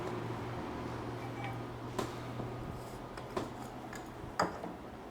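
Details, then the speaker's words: Joint crepitus in the knee of an adult man with rheumatoid arthritis and knee osteoarthritis, whose knee is painful and swollen and whose joints crack at every step: three brief, sharp clicks over steady room hum. "ครับอันนี้ก็ดังทุกข้อนะครับเป็นของนะครับ"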